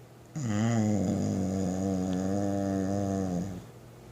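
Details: Dog sleeping at rest, snoring: a single long, low, rumbling tonal snore or groan lasting about three seconds.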